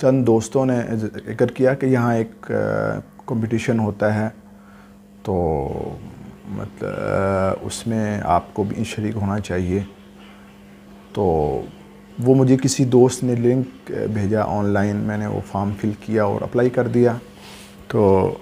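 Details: Adult man speaking Urdu, with a stammer since about age 12, previously treated by various doctors; has difficulty in ordinary conversation; stuttering.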